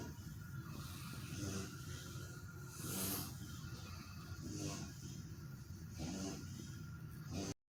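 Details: A sleeping dog snores: rhythmic low rumbling snores with a soft snort on each breath, about 40 per minute.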